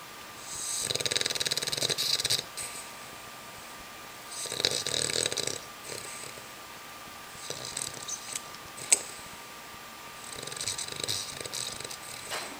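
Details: Olde English Bulldog asleep in its cage, head resting on a toy: raspy, hissing snores in repeated bursts, roughly 19 breaths a minute, with faint room hum. This is noisy breathing typical of a flat-faced dog.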